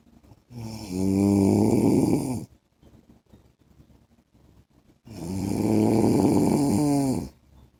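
Two long, loud rattling snores on breathing in, with quiet pauses between; ordinary loud snoring in sleep.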